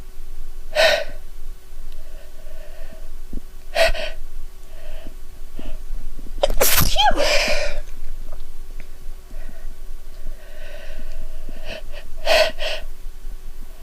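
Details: Adult with a female-tagged recording sniffing a soap bought in France that triggers her sneezes; several sharp sneezes, some preceded by catching inhalations, with sniffing between, eyes watering and nose stuffy, in a quiet room.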